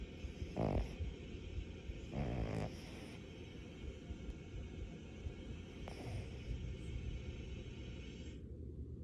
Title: Toffee snoring!